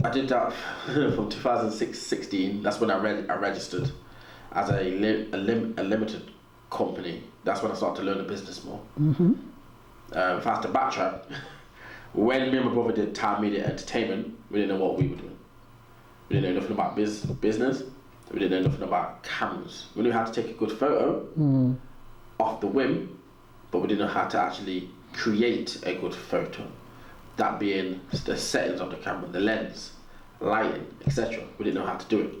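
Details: Stuttering in an adult man, described as a natural, audible stutter; real, not acted.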